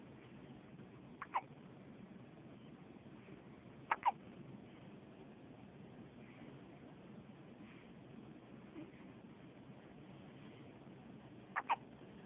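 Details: Hiccups: three brief, faint click-like sounds spread over about twelve seconds against steady room hiss, possibly from a cat.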